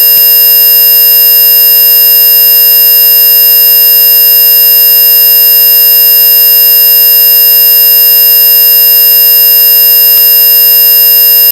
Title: Hearing Test